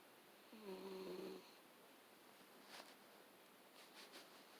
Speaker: Oh my god. This cat sounds like a person snoring.